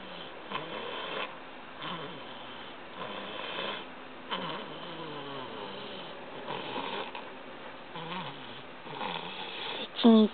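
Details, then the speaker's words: 13-month, 3-week-old toddler asleep in the car, very tired, snoring loudly: soft, rhythmic rattling breaths about every two seconds, with parents talking quietly; snoring. "在车上睡着了，然后打呼非常大声，把它录起来，以后放给他听。"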